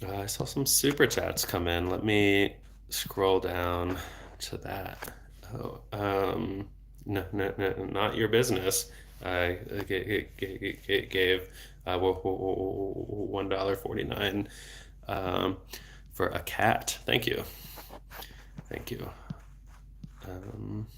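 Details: Adult male who has stuttered since age 8, had speech therapy into his early 20s and is now a speech therapist; stutter fluctuates in cycles and worsens in foreign languages; word and part-word repetitions heard; stuttering.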